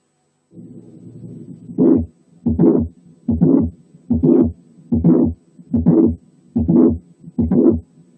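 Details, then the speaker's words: Late systolic murmur of mitral regurgitation from mitral valve prolapse, heard alone without the click; regular heartbeat near 73 a minute, murmur running up to the second sound. "وكمان نسمع تاني الليت سيستوليك ميرمر في حالة تانية لوحدها."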